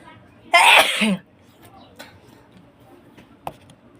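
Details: Induced sneeze: one loud, explosive sneeze followed by quiet sniffs and clicks.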